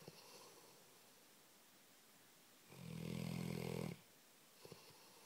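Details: Sleeping Labrador dog snoring in a quiet room: one long, low, rattling snore on an in-breath; ordinary snoring.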